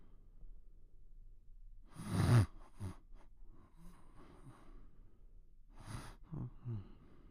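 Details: Low, rough nasal snorts and breathy puffs during sleep: one loud snort followed by softer irregular ones; noisy sleep breathing.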